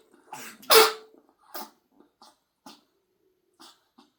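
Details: Pet gives a short run of harsh, forceful coughs trailing off into softer huffs; animal coughing.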